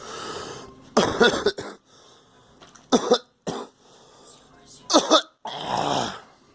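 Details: A girl coughing along with the person recording: several irregular coughs, some in quick pairs, with breaths and a rasping exhale between them.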